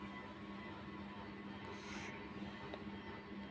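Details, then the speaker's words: Young boy with a bad cold, noisy nose and mouth breathing, receiving nebulizer treatment; nebulizer running. "এই যে nebuliser দেওয়া হচ্ছে,"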